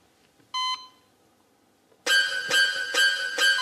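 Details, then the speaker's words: Electronic heart-monitor beep, then regular repeated tones at about 136 a minute, played as a quiz sound on a comedy show; mistaken for a heartbeat, with room noise. "Yeah, that's your heartbeat, isn't it?"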